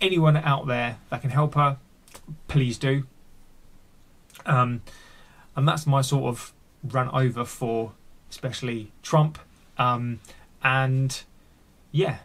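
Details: Adult male with a stammer, deliberately leaving his stammer unedited in this recording; real speech showing stuttering.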